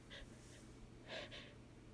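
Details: Simulated by a female performer: quiet, breathy, catching inhalations in a row, an acted build-up of gasps before a sneeze, during apologetic interruptions.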